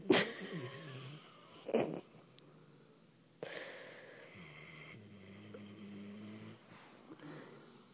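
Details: Two sleepers snoring in sync: irregular snorting and low droning breath sounds from more than one sleeper, with faint whistling on some breaths.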